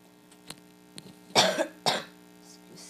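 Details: Two loud harsh coughs after a couple of small throat sounds, over a low steady hum, from a person who says they are sick.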